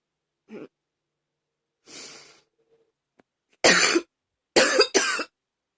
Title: #24 another hard coughing